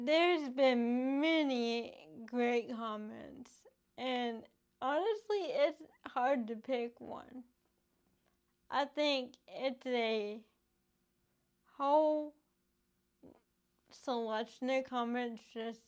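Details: Adult woman with cerebral palsy from lack of oxygen and bleeding in the brain before birth, affecting her motor skills including speech; she is in speech therapy using an IOP device to strengthen her mouth muscles; dysarthria (cerebral palsy).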